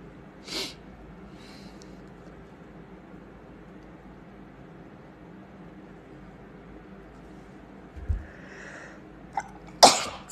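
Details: A person sneezing and trying to sneeze: quiet room, then sharp bursts of expelled air near the start and end, consistent with sneezes.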